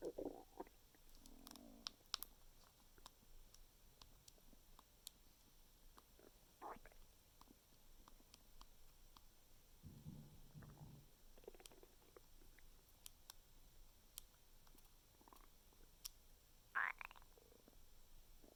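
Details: Bowel sounds (borborygmi) after eating mango: quiet, scattered gurgles and rumbles from the belly with faint background hiss.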